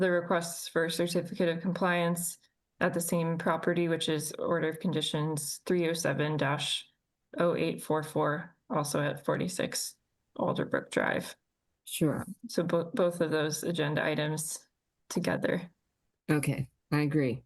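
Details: Adult speaker in a meeting; normal speech.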